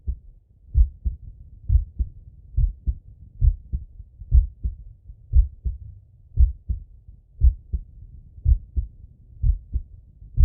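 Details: Male chest auscultation with stethoscope: steady two-part heartbeat at about 60 beats a minute with crisp first and second sounds and soft breath noise; normal heart sounds.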